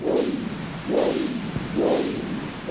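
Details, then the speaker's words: Monophasic arterial Doppler signal from a patient with arterial disease (stenosis), Huntleigh Dopplex Doppler probe placed gently with gel and facing the heart: dull single whooshes, one per beat at about 67 a minute. "if a patient has some degree of arterial stenosis then the Doppler signal is monophasic can you hear how different this is to the signal we've just heard in the normal"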